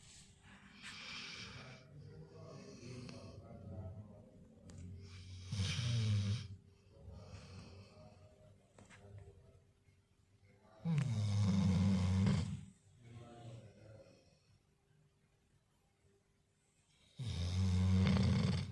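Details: Irregular low snores and snorts, three loud rumbling ones among softer breaths, in a quiet room from a sleeping dog on a lazy day; dog snoring.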